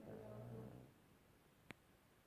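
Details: Pug dog snoring while asleep: a single short, low, buzzing snore, then quiet with a brief click; snoring.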